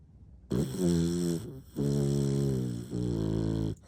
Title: Relaxing sweet sounds of a snoring English bulldog